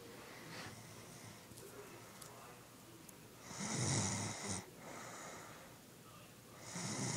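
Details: A couple of soft, rattling snores with breathing from a sleeping girl in a hissy quiet room.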